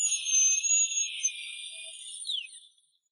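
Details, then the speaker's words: Dental drill splitting the deeply impacted root of a wisdom tooth in two during extraction: a high, steady whine that slowly fades over about three seconds. "The tooth root is quite deeply impacted. The doctor decided to split the root part in two again"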